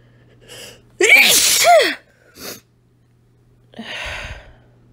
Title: Chili powder sneezes (female)